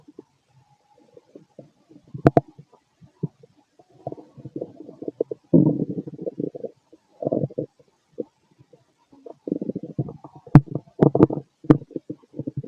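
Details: Male, late night, feeling gassy after eating lots of food earlier; bursts of low gurgling and bubbling with a few sharp pops in a quiet room, ordinary stomach growling (borborygmi).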